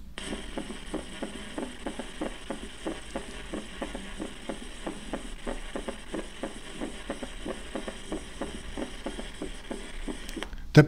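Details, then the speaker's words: Third heart sound (S3) gallop in a cardiac auscultation teaching recording, played repeatedly as an extra early-diastolic sound giving a gallop rhythm. "Third hard sound. Gallop. Third hard sound, okay? Please, once, yes, third time. Third hard sound."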